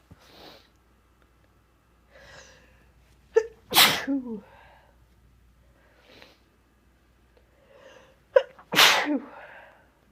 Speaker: Oh man. I still have to sneeze. How is that even possible? Oh my god, it's stuck.